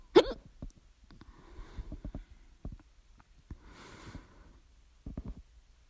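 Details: A bout of loud hiccups (second bout, started 11:24 PM) persisting despite drinking water and breath-holding. Short, sharp gulping clicks recur at irregular intervals, with soft breaths in between.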